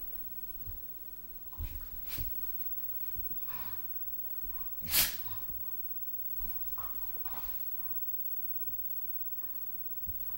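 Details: Female dogs playing roughly and bumping each other, with teeth clacking and groaning: snuffling and sniffing, then one sharp, forceful sneeze with a smaller one earlier.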